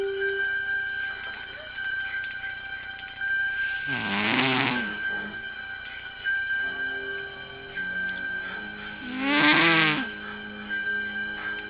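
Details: Two loud, rattling snore bursts about five seconds apart from a cat, over a steady tonal background hum or music; snoring.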